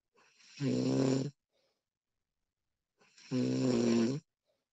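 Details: Woman snoring during sleep, professionally recorded: two loud, rattling inspiratory snores separated by quiet pauses, with a deep buzzing tone on each breath in; typical snoring.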